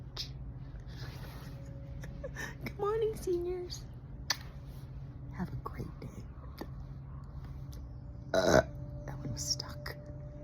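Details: Senior adult over 50 in the morning: quiet room with soft murmuring, then a short, low, gurgling, sticky burp near the end.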